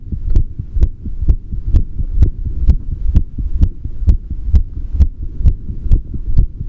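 Regular low thumping heartbeat, about 128 beats a minute, with a soft hum underneath.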